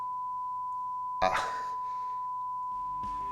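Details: Steady high-pitched tone simulating ringing ears (tinnitus).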